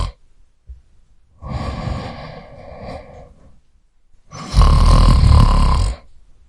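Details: Male snoring sound effect: a breathy exhalation followed by a loud, rattling, low-pitched snore on the next breath; snoring.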